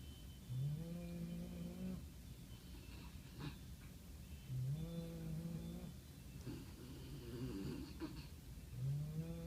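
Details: Sleeping puppies snoring in a snuggle pile on a snow day: repeated low, buzzing snores about every four seconds, with softer snuffling in between.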